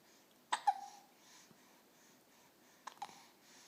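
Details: Six-week-old baby with hiccups: two short, abrupt catching sounds about two seconds apart in a quiet room; infant hiccups.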